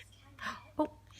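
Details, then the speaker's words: A soft vocal sound, then one short abrupt catch of breath: a baby boy's hiccup while his mother talks to him. "can you say mama say oh you got hiccups uh-oh"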